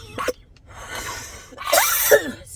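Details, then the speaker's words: Person with a tracheostomy changing their own Shiley trach tube: two harsh cough bursts with a breath between, set off by throat irritation as the tube is inserted and turned. "it irritates my throat it makes me cough"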